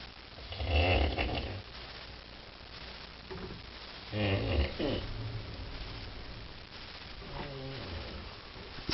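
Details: A friend's snoring, called severe, keeping the recorder awake: two loud, rough, low snores on the in-breath, about 3.5 seconds apart, with quieter breathing between; snoring.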